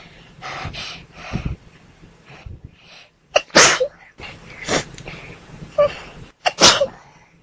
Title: Trying to not sneeze!